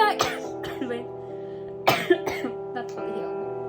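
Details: Person singing Beyoncé's Halo while sick with cough and cold: several short, harsh cough bursts break through the background music; cough.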